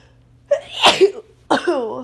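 A sharp in-breath builds into a loud explosive burst, then a voiced exclamation: a single sneeze.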